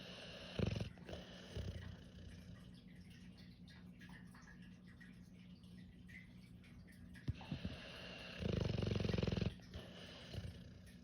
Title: Dog snoring 😴